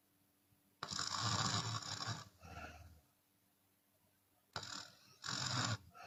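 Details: Chinese woman sleeping with open mouth, sometimes exhaling audibly: harsh, rasping snores on the in-breath, each followed by a softer out-breath, short quiet pauses between; open-mouth snoring.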